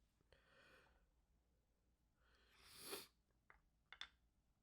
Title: A Few Sneezes and a Stifle